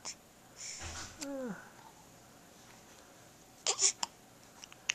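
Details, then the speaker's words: Infant boy moving his arm: brief sharp hiccup sounds with a short infant vocalization in a quiet room; hiccups said to last a long time. "come here Amy he's hiccuping"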